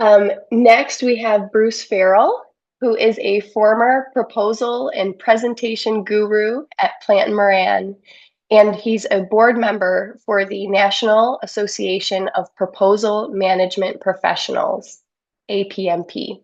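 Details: Adult woman; normal speech.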